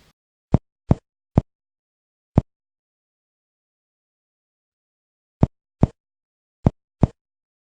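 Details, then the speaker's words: Human chest percussion demonstrated by medical students, over the right 1st–5th intercostal spaces, avoiding bone; eight hollow, low-pitched taps; clear resonant pulmonary percussion note over normal lung. "ahora bien en el lado izquierdo vamos a encontrar en el primero y segundo espacio intercostal el sonido claro pulmonar"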